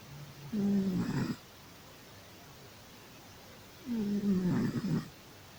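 Two drawn-out, buzzing snore sounds from a sleeping cat, separated by a quiet pause; low, vibrating breath noise.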